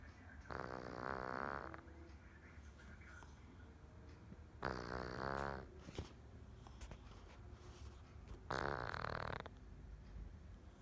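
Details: A sleeping cat snoring: three loud, buzzing snores about four seconds apart, about 15 breaths a minute, with quiet room noise between.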